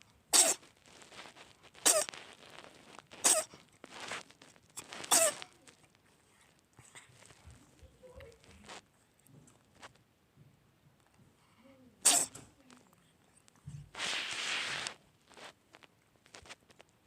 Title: CUTE cat can't stop sneezing. "Bless you" #shorts #cat